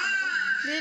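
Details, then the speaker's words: Recorded infant cry played at a maternity-ward parenting workshop that teaches parents to decode baby cries, one of several different babies; a brief, steady high-pitched wail. "Alors, si vous voulez bien, je vais vous faire écouter les pleurs, donc écoutez-les bien attentivement. Il y aura plusieurs bébés différents."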